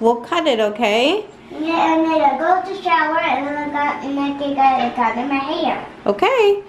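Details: 7-year-old child diagnosed on the autism spectrum, repeating phrases about a movie during a haircut; echolalia.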